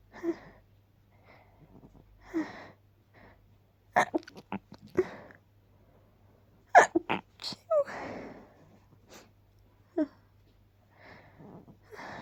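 A run of several sharp, suppressed sneezes with soft breaths between them: stifled sneezing.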